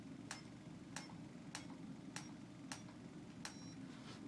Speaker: the pro aduster allows me to scan your spine looking for any problem areas or misalignments the pro uses tapping to put the bone back in place